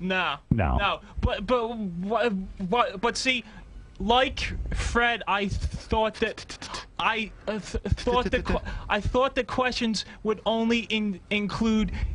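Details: Stuttering in an adult male contestant in a rock and roll trivia game.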